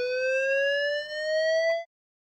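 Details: A steady rising electronic tone for about two seconds from a simulated defibrillator in an iPad AED Trainer app, charging after a shock is advised during a CPR and AED training scenario.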